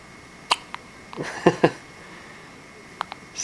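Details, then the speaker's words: Several short, sharp hiccup bursts from a baby girl in a quiet room, with a brief breathy sneeze in the middle; the baby is getting tired. Hiccups and sneeze. "sir but you got the hiccups bless you"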